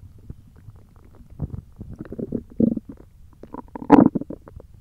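Irregular low gurgling and rumbling bursts from the belly: hunger stomach growling, a normal bowel sound.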